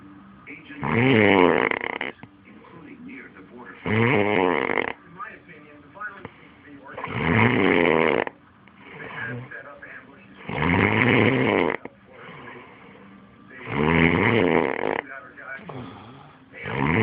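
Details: Loud, rattling snores on each in-breath at about 19 breaths a minute, with quieter out-breaths between; the uploader's own heavy snoring.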